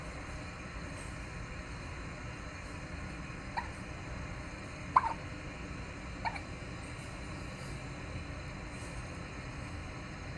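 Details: Baby twins alternating hiccups: three soft, abrupt hiccups about a second apart over a steady background hiss.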